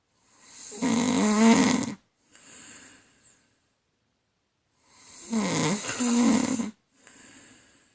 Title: My wife snoring